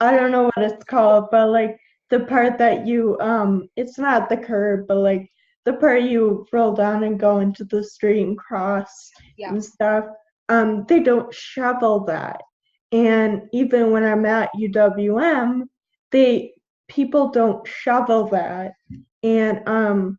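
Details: 21-year-old woman with Friedreich's ataxia, a genetic neuromuscular degenerative disease; symptoms from about age 9, diagnosed at 13, with progressively slurred speech; ataxic dysarthria.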